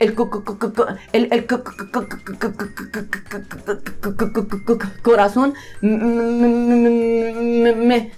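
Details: Man who reports having stuttered himself, with both blocks and repetitions, demonstrating repetition-type stuttering by getting stuck on and repeating a sound; stuttering (sound repetitions).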